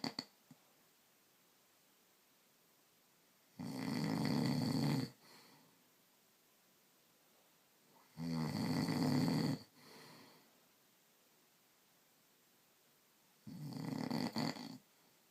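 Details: Husband snoring in his sleep: three loud, rough snores on inhaling, about four seconds apart, with quiet between them.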